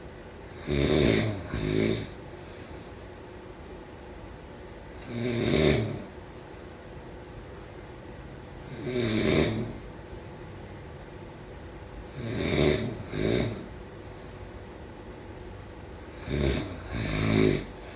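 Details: Rattling snores on breathing in, some doubled, about six breaths in 18 seconds, over steady room hiss; snoring during sleep.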